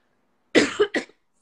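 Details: Cough from a woman in her 40s with a history of cervical and ovarian cancer, currently with a viral illness and raspy voice, during a live talk.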